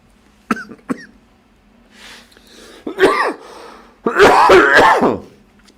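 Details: Adult man with a residual cough after two weeks of illness: a few short throat-clearing coughs, then harsher voiced coughing bouts, fitting a lingering post-viral cough.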